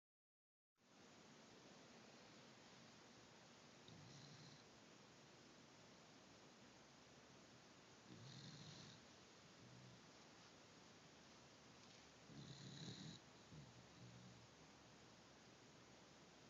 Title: Noodles, the snoring dog!